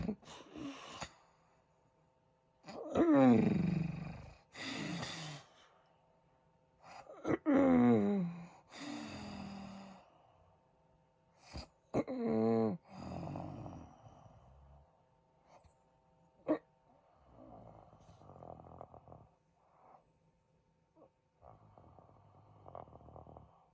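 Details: Husband snoring in his sleep with pauses in breathing, suspected sleep apnea: loud, irregular snorting snores and gasps broken by quiet pauses.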